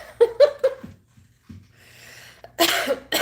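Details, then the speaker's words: Sudden wheezing in an adult while talking: three short, slightly whistling breath bursts, a soft noisy breath, then a harsh cough-like exhalation. "All right. All of a sudden I'm like wheezing. What is up with that?"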